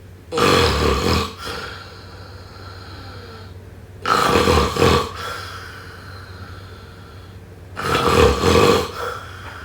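Three loud, rough snores on inhalation, about 16 a minute, with quiet exhalations between.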